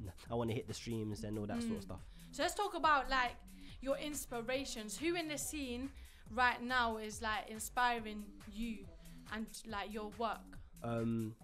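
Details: Adult woman speaking; typical speech.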